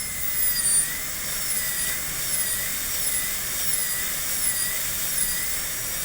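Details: Dental teaching on students' canine preparations for PFM crowns, reducing the shoulder/chamfer margin near the gingiva: steady high-pitched high-speed handpiece whine with slight pitch wavering and air-water hiss.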